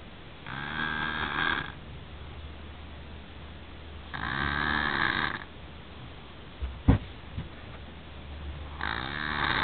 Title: MY SON SNORING..LOL